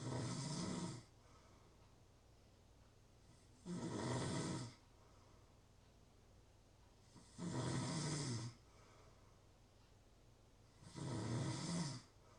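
Four regular, rumbling snores with quiet pauses between them, about 16 breaths a minute.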